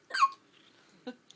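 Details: Newborn boy, a couple of days old, in hospital: two sharp, brief squeaky gasps just under a second apart with faint room noise; hiccups, described as loud.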